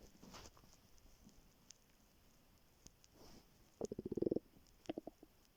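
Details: A hungry student's stomach growling in the morning after waking, before skipping breakfast: a rapid run of bubbly gurgling pulses, then shorter gurgles (borborygmi).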